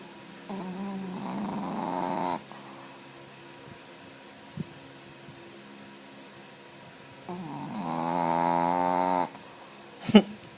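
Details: Sleeping pet snoring: two drawn-out, buzzy, whistling snores about seven seconds apart, with a brief sharp sound at the end.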